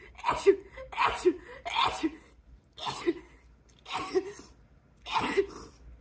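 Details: Compilation of women sneezing, one describing an allergy attack: about six sharp sneezes in quick succession, each a brief intake then explosive burst; sneezing.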